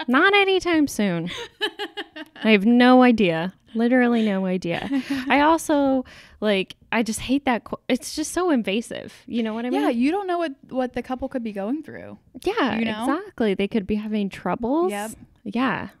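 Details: Adult woman speaking; normal speech.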